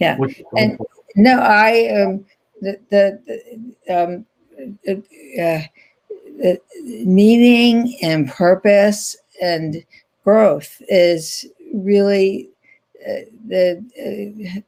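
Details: Aphasia in an adult woman after a stroke in 2010, still in ongoing rehabilitation therapy.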